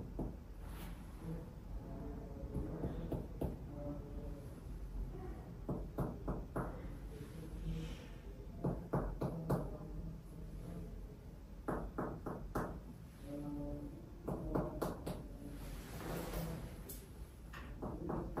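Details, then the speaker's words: Resonant percussion note throughout the chest in an adult man during a respiratory examination, tapping from the collarbones down to the sides and lung bases: quick, hollow taps all alike, with no dullness. "And resonant sounds are heard through and through. There is no dullness that I could hear."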